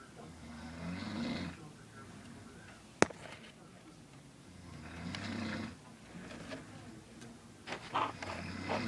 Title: My uncle snoring